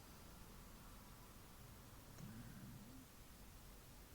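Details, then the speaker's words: Adult's own stomach growling (borborygmi) while painting: a brief, low, wavering gurgle rising over steady room hiss. "you hear that that was my stomach I'm sorry okay"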